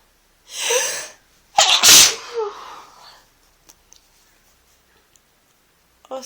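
A long hissing inhalation followed by one loud explosive sneeze with a breathy trailing tail; adult sneezing with a cold.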